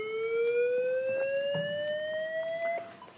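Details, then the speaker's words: Steady electronic tone rising in pitch over about three seconds, then stopping, as a Lifepak 15 in AED mode charges after analysing and advising a shock, in a training demonstration. "if we go into AED mode so this machine can function as in AED mode it is very noisy so I'm not going to be able to speak over it but I will demonstrate what it does"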